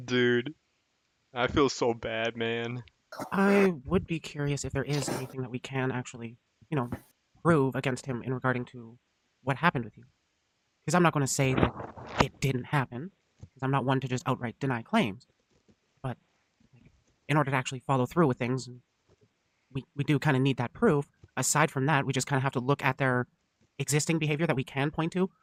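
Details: Adult male speaker; normal speech.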